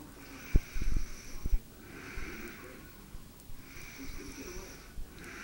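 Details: Repeated breathy snoring sounds with soft rasping on each breath, with knocks and handling noise in the background; a mother snoring during sleep.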